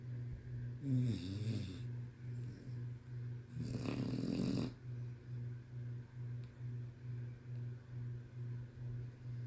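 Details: Steady low snoring with rhythmic breaths about every half second, plus two louder snorting, rattling snores; ordinary snoring.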